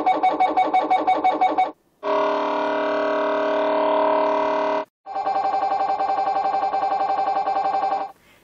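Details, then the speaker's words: MRI scanner noise at a research imaging assessment centre: loud rapid mechanical knocking, a steady droning buzz, then fast knocking again. Patients are given earplugs. "scanning is noisy so we will give you some earplugs to wear the noise sounds like this"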